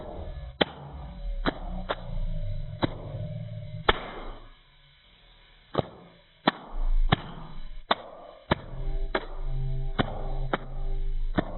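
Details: Bowel sounds (borborygmi) from a grandpa (noted as year 69): low rumbling and gurgling from the belly, broken by sharp tapping clicks from handling.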